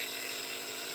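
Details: Steady high-pitched mechanical hum of a nebulizer compressor running in a small room, delivering medicated mist every 4 hours to a patient with double pneumonia and MRSA.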